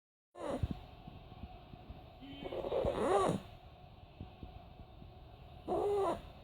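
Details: Snoring in a sleeping dog that makes weird noises in its sleep: irregular rasping, whistling snorts at about 22 a minute, over room noise.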